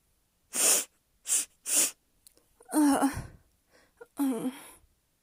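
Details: Sneezing build-up scenario with sniffles: three sharp, breathy sneeze bursts, then two voiced sneezes with a gasping lead-in; repeated sneezing.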